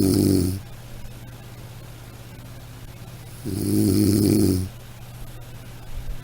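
Two low, rattling snores over room hum, one at the start and one after a quiet gap: snoring.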